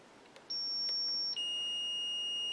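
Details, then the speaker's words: Defibrillator charging tone in a NICU training demonstration, set to 10 joules for a 5 kg baby (2 J/kg): a steady high electronic tone that steps to a second sustained tone before the shock. "so we're in the right mode or at the right joules and we're going to push charge and"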